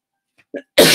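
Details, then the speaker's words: Single loud, explosive adult cough after a faint throat sound and brief voiced catch, cut off at the end; the speaker says they cough all the time and will try a lozenge to cough less. "Je sais que ça peut être énervant pour ceux qui écoutent de m'entendre tousser tout le temps, mais bon, c'est pas de ma faute"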